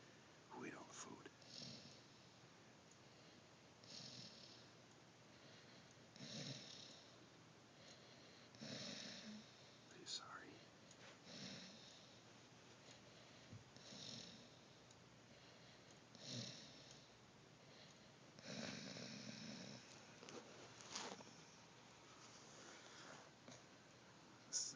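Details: Pet that got into the food bag and overate, now full and miserable: repeated hissing, rasping breaths, about 25 a minute, with noisy wheezy breathing on each breath.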